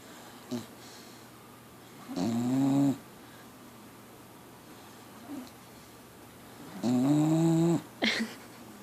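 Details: Four-month-old female Pitbull puppy asleep: two long, loud, rattling snores about five seconds apart, with soft breathing between; ordinary snoring.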